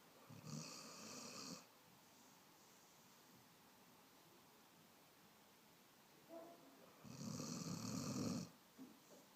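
Two long, rough snoring sounds about six seconds apart in a quiet room, a dog snoring in sleep.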